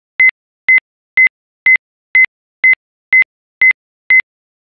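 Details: Simulated sinus tachycardia from a TechPatient CARDIO ECG simulator with a Ritmic arrhythmia module: steady monitor beeps at about 122 per minute in a fast regular rhythm.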